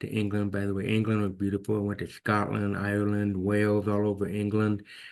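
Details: Adult man with severe to profound hearing loss since birth, diagnosed at age 2, orally trained with about 13 years of speech therapy; finding: deaf speech (speech of a person with profound hearing loss).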